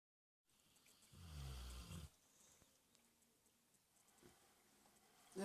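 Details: Dog snoring while sleeping on a sofa on a pillow.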